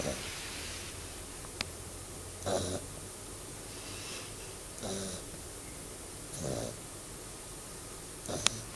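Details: Sleeping beagle snoring: soft, rough snoring breaths about every two seconds over steady room hiss.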